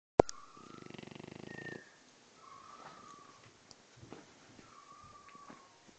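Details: French Bulldog napping at work, snoring loudly: a fluttering, rattling snore on an in-breath, followed by quieter snuffly breathing with faint background noise.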